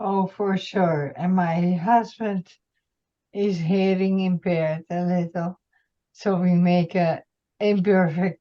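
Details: Woman, retired nurse, with multiple system atrophy, mainly parkinsonian type with some cerebellar features; speech symptoms began about two years earlier; reports some days with no voice at all; dysarthria (multiple system atrophy).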